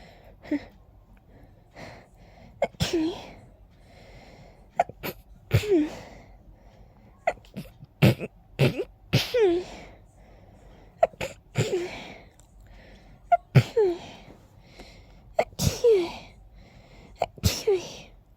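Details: Person with an itchy nose all day and a pollen allergy sneeze attack: a rapid fit of about nine to ten forceful sneezes, some preceded by short indrawn breaths.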